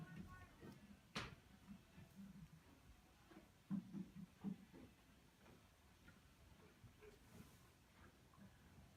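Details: Normal gut sounds (borborygmi) heard by stethoscope over a horse's upper flank during a health check: soft, low gurgles and rumbles over quiet background noise.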